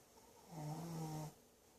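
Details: Dog snoring while lying in a bag: one short, low, buzzing snore with a humming tone, under a second long.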